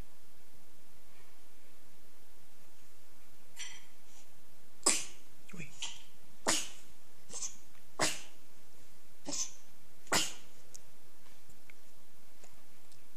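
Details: Sweet baby sneezing.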